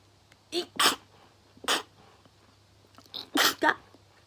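Several short, sharp bursts of air in quick succession with soft breathy lead-ins, consistent with a series of sneezes; low room hum.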